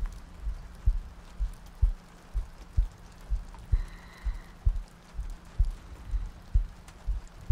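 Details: ASMR sleep-aid soundscape looping heartbeats, soft breathing and rain ambience: steady paired low thumps at about 63 a minute over soft rain noise, a regular heartbeat.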